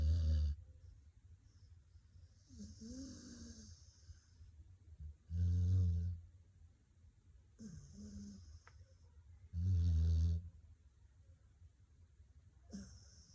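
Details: Dog snoring: deep, rumbling snores every few seconds with softer breaths between, about 14 a minute.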